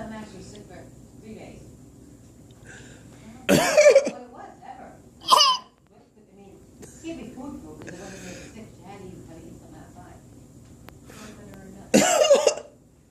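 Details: Sean coughing: three harsh, forceful coughs from a child, spaced several seconds apart, with quiet voices and room noise between.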